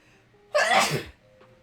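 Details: Sneeze from a person who says they are very allergic to cats, with ragweed pollen high that day: a sneeze during crafting talk, in a series of repeated sneezes.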